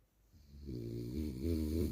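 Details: Loud, low, rattling snore building over a long inward breath from a sleeping French bulldog.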